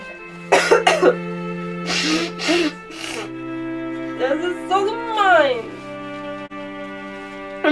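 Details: German woman with a cold: about five short, harsh coughs in quick bursts, then a voiced sound, with music playing in the background; a cough.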